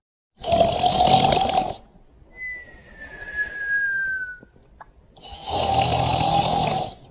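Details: Duke sleeping: two long rough snores with a high, gliding nasal whistle between them; snoring with whistle.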